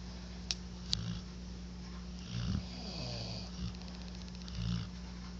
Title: Dueling snores